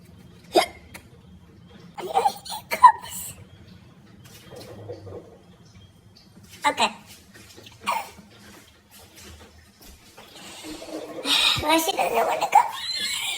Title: Dang hiccups 🤦🏻‍♀️😒